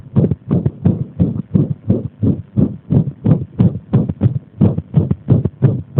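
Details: Arrhythmia induced by compression: rapid, dull heart thumps with uneven spacing between beats, an irregular heartbeat.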